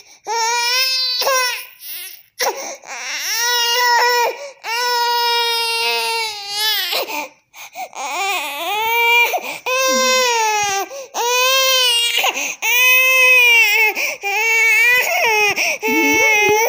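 Loud, sustained, high-pitched crying in long bursts with short gasping breaths between, an intense angry infant cry.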